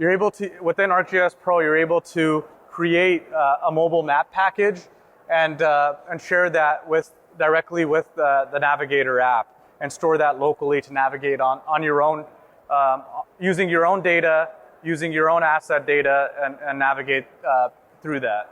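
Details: Adult male speaker; Normal speech.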